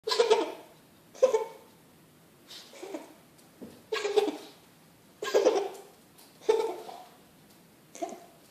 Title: Kitty Roo Coughing